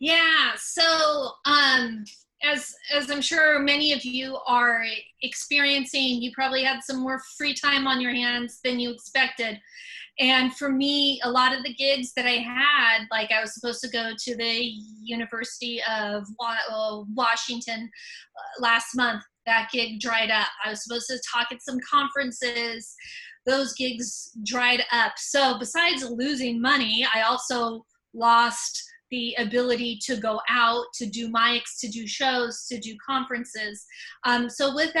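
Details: Stuttering in an adult woman speaking spontaneously; she says most of her stutters are repetitions, sometimes blocks.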